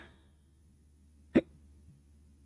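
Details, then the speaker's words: A single sharp, sudden hiccup from a person during a live stream, over quiet room hum. "God. Fucking hiccups, man."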